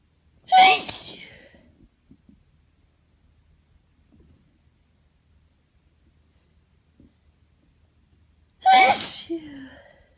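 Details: Person on holiday in Florida, USA, who is allergic to grass at home in the UK and not around animals, sneezing constantly: two loud, explosive sneezes about eight seconds apart in a quiet room, suspected allergy.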